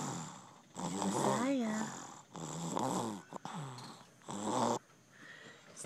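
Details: 20-month-old child, tired out and asleep, snoring loudly: long, groaning snores on each breath, about three in six seconds, with quiet gaps between.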